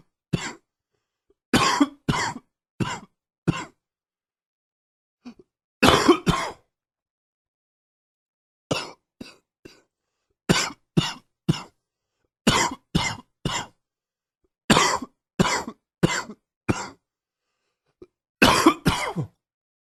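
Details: Adult with a chest cold: repeated bursts of harsh coughing in clusters of two to four.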